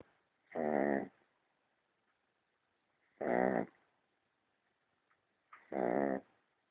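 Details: Sleeping pet dog snoring: three slow, regular, buzzing snores with silence between them, about 23 a minute.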